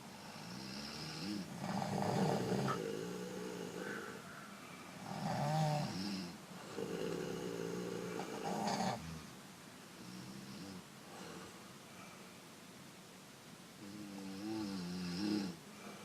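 Slow, irregular rumbling snores, about 19 a minute, with groaning tones on some breaths, in a quiet room; ordinary snoring.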